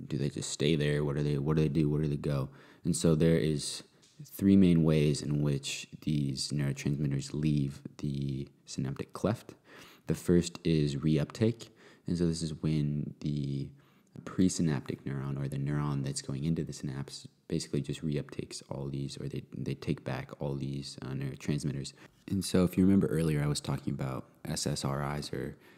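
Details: Adult male speaker; normal speech.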